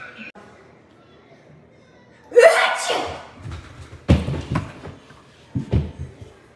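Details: A sharp, explosive sneeze close to the microphone, followed by shorter bursts and some room noise: sneezing.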